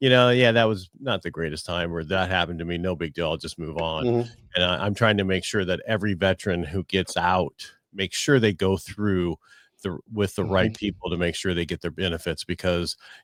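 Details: Adult male speaker; typical speech.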